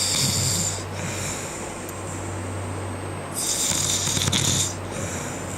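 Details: Man snoring in a hotel room, keeping his colleagues awake: loud, rough breaths rising and falling over a steady hum, with a snorting surge midway; snoring.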